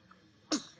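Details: Baby babbling, then a single short, sharp sneeze after quiet room sound. A sneeze.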